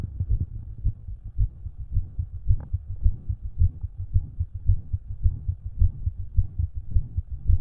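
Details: Self-recorded heartbeat through a stethoscope, rapid near 110 a minute, with an added low extra sound in the cycle (possible S4, uncertain) and a soft murmur; extra sound transient.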